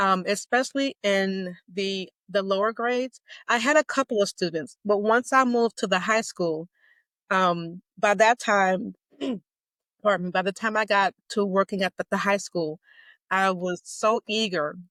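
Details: Stuttering in an adult woman, self-described as mild to moderate; a covert stutterer until 2018, now overt.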